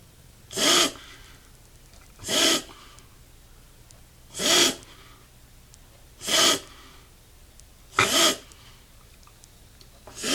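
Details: 11-year-old dog's cough that the owner is very concerned about: short, harsh, airy coughs in a steady series, about one every two seconds.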